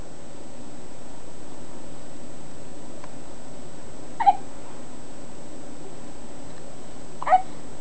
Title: baby hiccups